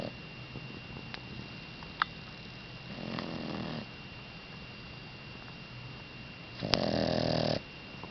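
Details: Sleeping pet snoring: two rough, rattling breaths over a quiet room background.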